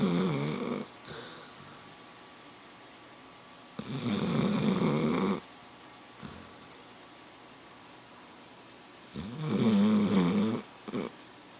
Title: My dog snores....loudly!